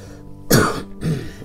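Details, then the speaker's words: Two short, harsh, throaty throat-clearing cough bursts over faint background music, from an adult speaker with GERD whose acid reflux flared after delayed meals, causing hoarseness; a reflux-related cough. "Terus kayak batuk-batuk karena aku punya GERD gitu loh guys. Jadi mohon dimaklumi ya."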